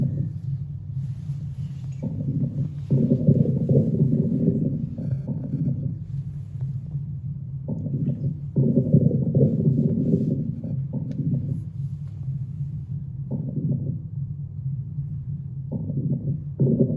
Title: Аускультация кишечника